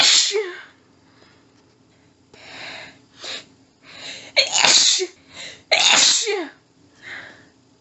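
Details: Female with a nose tickly all day, unknown trigger, trying but failing to stifle: a paroxysmal sneezing fit, several very strong sneezes in rapid succession with quick panting breaths between them.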